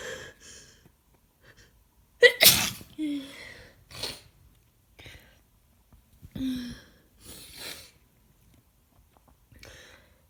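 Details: Person with a bad cold, worsening congestion and heavy mucus: several tortured sneezes, many with audible gasping build-ups, and quiet pauses between them; repeated sneezing.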